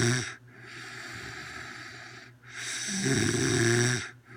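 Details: Woman snoring heavily in sleep after eating a lot of chicken for dinner: loud, rough, rattling snores on long breaths with brief pauses.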